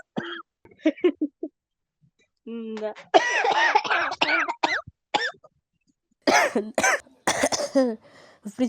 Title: Smoker's Cough Compilation